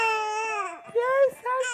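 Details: Infant cry.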